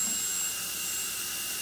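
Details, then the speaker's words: Dental high-speed handpiece on a new dental cart during setup, with coolant water being turned up to a swirl off the bur: steady high-pitched continuous whine. "and we'll just start turning the water up just a little bit little more than that now we're getting nice swirl coming off of the bur just like so"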